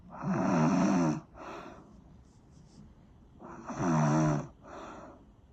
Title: Snoring sound